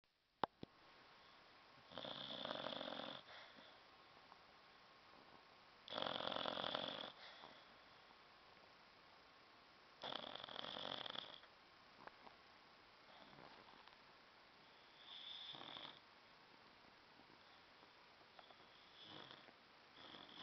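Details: Sleeping dog snoring: rough, rasping snores about every four to five seconds, some louder than others, with quiet pauses between.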